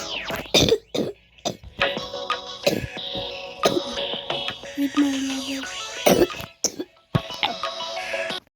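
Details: Short, harsh cough bursts from an adult break through steady background music: an ordinary incidental cough.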